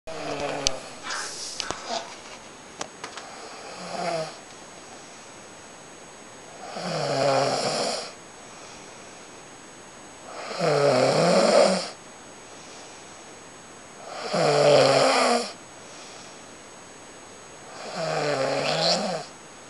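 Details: Person snoring: regular, rough, vibrating snores on each breath, about 16 a minute, with steady quiet gaps between them.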